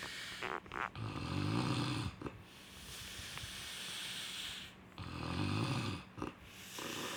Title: snoring sound